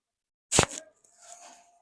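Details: Nervous adult man at his first chiropractic visit: one sharp pop from the neck during a manual neck adjustment, then a faint exclamation; joint cavitation.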